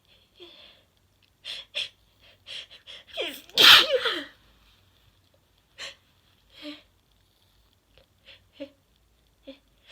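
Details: Soft sniffs and catching breaths build to one loud explosive sneeze, then quieter sniffing and breathing; ordinary sneezing in a 21-year-old, provoked by a Q-tip in the nose.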